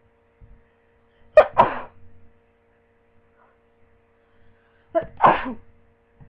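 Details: Person lying in bed with a cold, sneezing rapidly: two sharp sneezes a few seconds apart, each a quick catch of breath and then an explosive burst.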